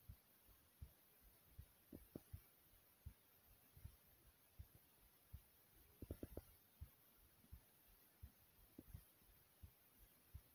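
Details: Own heartbeat recording: soft, steady low thumps at about 80 beats a minute with a faint hiss behind, a normal heartbeat.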